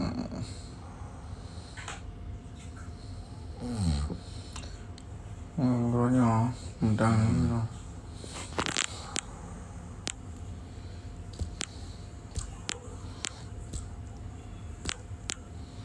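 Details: Person still asleep in the morning during a live stream, snoring very loudly: a few loud, rough, voiced snores over steady low room noise, followed by scattered clicks and knocks.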